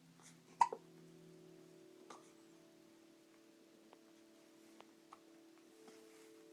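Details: Hiccups: soft, brief clicking hiccups about every second over a steady low room hum.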